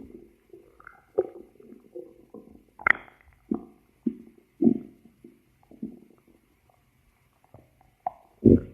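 Bubbling gurgles and squeaky rumbles of a growling stomach, ordinary bowel sounds.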